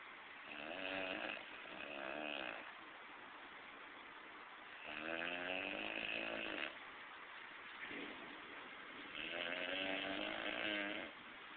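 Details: Loud, harsh rattling snores on each breath, about four in ten seconds, with quiet pauses between: heavy snoring.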